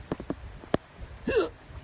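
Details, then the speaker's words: Hiccups while outdoors: brief, abrupt catch sounds against a quiet background. "Yeah, I've got hiccups. Excuse me while I hold my breath."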